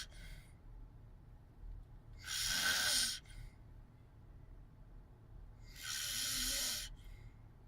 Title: Snoring wile sleep